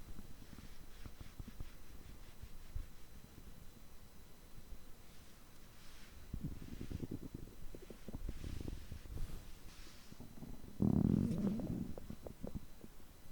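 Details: Stomach growling recorded on a day of overeating, when the stomach reportedly groans for over three hours: low gurgling and rumbling bursts with a louder groan near the end; borborygmi of active digestion.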